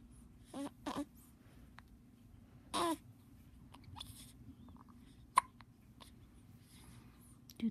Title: with hiccups Feb.25